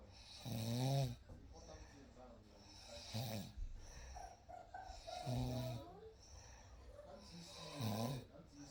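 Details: Real night sleep recording: four soft, low snores on in-breaths, roughly every two and a half seconds, in a quiet room; gentle snoring.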